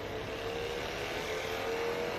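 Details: Percussion massage gun running: steady motor buzz with fast, even hum at a higher setting.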